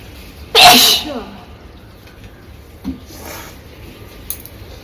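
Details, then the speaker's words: One loud explosive sneeze, hard enough to dislodge the woman's bindi, followed by quiet sniffing and breathing; an ordinary sneeze in a sneezing and nose-blowing challenge. "मेरा बिंदी खुल गया, छींकने से। देखिए बिंदी जो पहनी थी वो खुल गया।"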